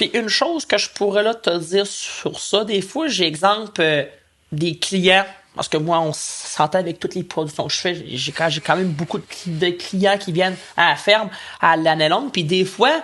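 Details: Male podcast co-host who stutters, speaking French in conversation; stuttering.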